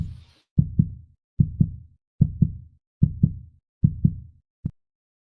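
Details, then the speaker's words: Regular paired low thumps at about 74 a minute in clean isolation: a heartbeat, played as a clip during a talk show segment. "Did you see the heartbeat, Josh? I did. It was beating. I heard it."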